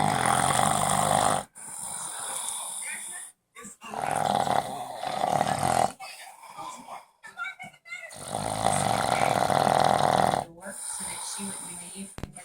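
Loud, rough, rattling snores in long bursts separated by brief pauses, with some growly low noise; ordinary heavy snoring.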